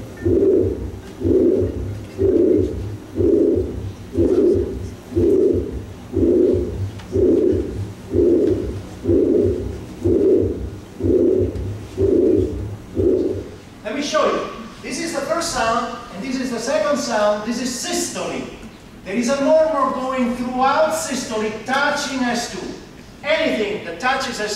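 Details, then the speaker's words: 75-year-old man, short of breath, with congestive heart failure and an enlarged heart: heart sounds about 60 a minute with a long, harsh systolic murmur reaching S2, an S3 and a diastolic rumble; mitral regurgitation. "when you have a humongous heart your mitro valve gets leaky you get mro recitation that's a lot of noise"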